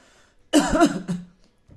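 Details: A single loud, voiced cough burst with a short throaty tail in a quiet room, a cough sound presented for choosing a homeopathic medicine by its sound.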